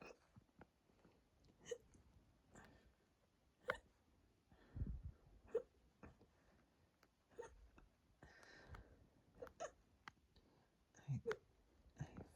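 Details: Hiccups induced by drinking lots of water; the bloated, tight stomach makes them quieter, and they are starting to hurt the chest and throat. Regular short, abrupt hiccups about every two seconds in a quiet room, some with a throaty catch.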